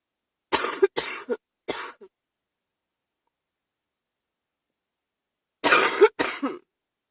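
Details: Two bursts of harsh, moist-sounding coughs, five in all, separated by quiet, in the evening during a chest cold: cough.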